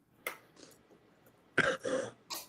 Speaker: Sorry, I sound like death. I am sick.